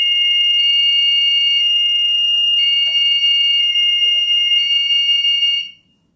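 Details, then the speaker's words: HeartMate 2 LVAD controller, implanted in a man about 2 years ago, running its normal self-test: loud, steady high-pitched electronic tones with a rhythmic pulsing beep, then silence. "And now he's going to do a self-test so you can hear some of the crazy sounds this machine makes. It's kind of like your computer boot up sound."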